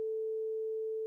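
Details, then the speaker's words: Rinne hearing test demonstration: steady pure hum of a vibrating tuning fork held next to the ear after placement on the mastoid bone. "efficient than bone conduction and as such the sound of the vibrating tuning fork should still be heard this describes a positive Renee test"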